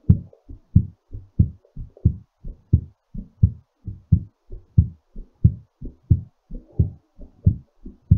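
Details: Clear lub-dub heart sounds at about 90–95 beats per minute, slightly quick: a normal heartbeat recovering after exercise.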